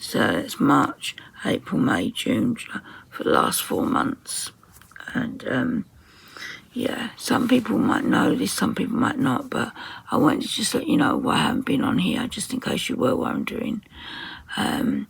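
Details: Woman with muscle tension dysphonia (very tight, stressed muscles around the vocal cords), attending speech therapy.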